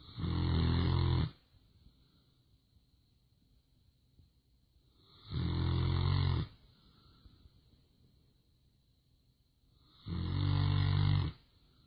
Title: snoring